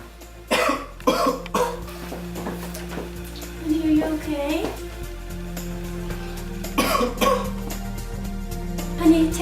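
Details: An adult gives several short, harsh acted coughs over steady background music; simulated cough.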